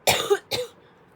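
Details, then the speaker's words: Two brief, dry coughs in quick succession against a quiet background, from a speaker with asthma; an asthma cough. "don't mind if you hear me coughing that's just because of my asthma"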